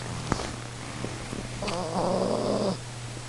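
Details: Female pet dog asleep, snoring: a fluttering, slightly whistling snore on one breath in, over faint room hum.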